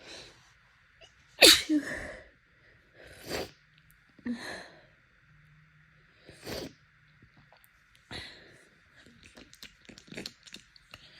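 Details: Allergic rhinitis during heavy pollen season, with bloodshot, swollen eyes: several loud, wet, congested sneezes in a row with sniffling between them.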